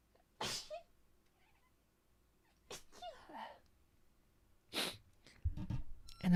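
An adult gives a few sharp, forceful sneezes separated by quiet pauses, with some voiced sounds and a low thump near the end.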